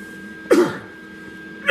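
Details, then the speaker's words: Cough from an adult with a chronic cough due to respiratory issues, heard while welding, with the welding smoke and fumes bothering them. "but if you hear me go off it's unfortunately it's you'll hear it a lot i have a chronic cough because of the respiratory issues"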